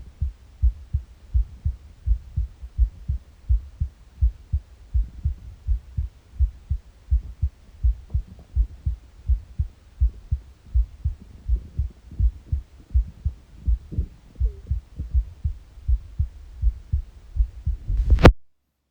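Steady low thumping heartbeat at about 80 beats a minute, with faint gurgles from an empty stomach in the background.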